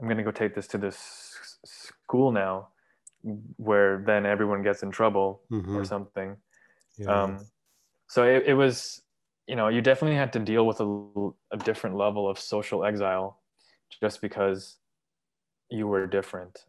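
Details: 23-year-old man who has stuttered since about age three, English and Urdu speaker, speaking with hesitations; describes having emancipated himself from stuttering; stuttering.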